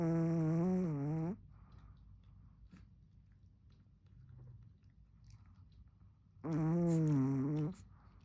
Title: My dog snores every single day.